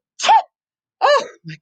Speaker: goodness gracious oh boys and girls we're back excuse me i don't know why all of a sudden i'm sneezing but i do have my kleenex to sneeze into